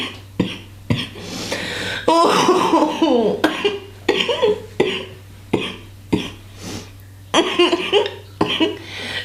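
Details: Woman coughing after smoking with pipe and bong: repeated harsh, hacking coughs in bursts turning into laughter, over a steady background hum.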